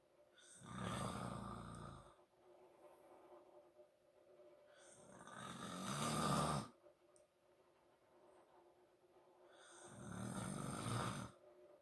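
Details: Loud rough snores on each breath in, about 13 a minute, with quiet breathing out between them; a father snoring.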